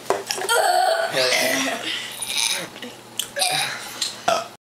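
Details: A long, loud, drawn-out voluntary belch from children, with giggling and laughter around it; burping.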